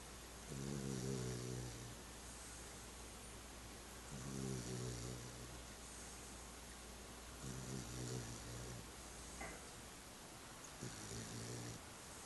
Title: Sissy pup snoring